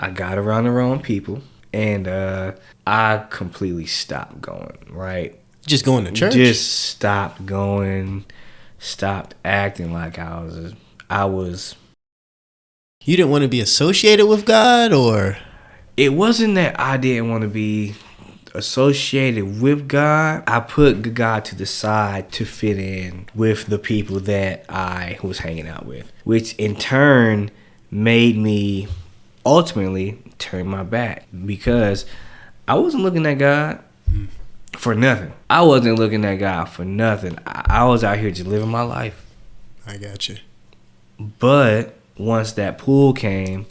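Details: Adult man who says he has stuttered since age 5, speaking on a podcast; stuttering.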